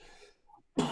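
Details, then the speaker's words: An adult with a chesty cough gives a single loud, rough cough after faint room noise. "right okay just uh sorry about my chesty cough guys I hope it's not bringing down your ears"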